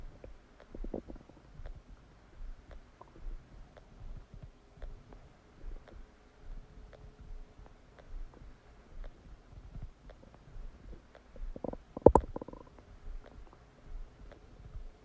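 Quiet, irregular gurgles and bubbly pops from the belly with one louder squelch, heard after a meal: ordinary digestive bowel sounds.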